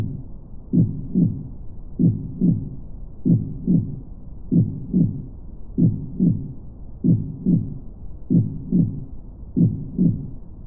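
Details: Steady, regular paired lub-dub heart sounds at about 48 beats a minute; heartbeat for relaxation and sleep.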